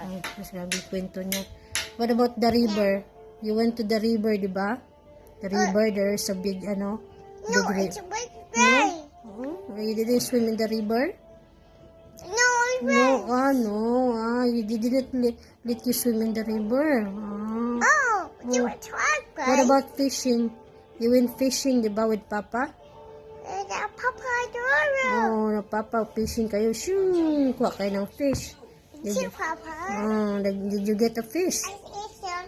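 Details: Speech delay in a very talkative young girl whose speech is hard to understand.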